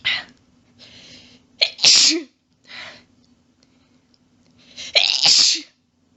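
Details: Female sneezing fit: a rapid run of sharp sneezes in clustered bursts, including quadruples, with brief inhalations between.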